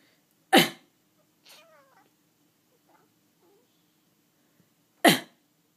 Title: Gus meowing whenever I would cough